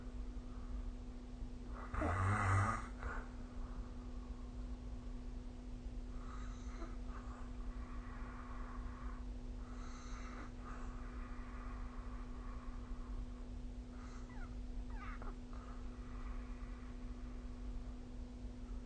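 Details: Adult snoring during sleep recorded with the SnoreLab app: one loud snorting snore, then softer noisy breaths over a steady room hum.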